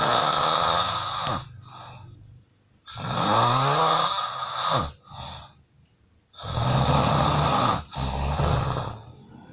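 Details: Adult man's heavy snoring, recorded by his wife who couldn't sleep, likened to a lion's roar, genuine not faked: three loud, harsh, rattling snores with quieter out-breaths, about 17 breaths a minute.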